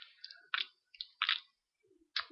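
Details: Vocal tic (saliva/spitting noise), a mouth tic in a person with a tic disorder.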